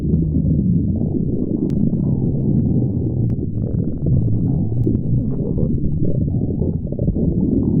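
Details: Continuous low gurgling and rumbling from the belly; ordinary loud stomach growling (borborygmi).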